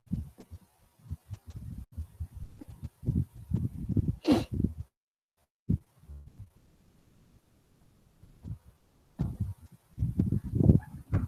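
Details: Teaching recording played in a cardiology seminar: low, muffled heart thumps with a soft rumbling filling the gaps between beats, interrupted by a quiet pause; diastolic mitral stenosis murmur.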